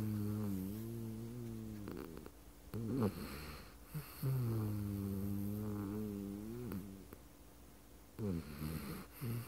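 Long, droning, humming snores with a steady buzzing tone, broken by short rustles and breath noises.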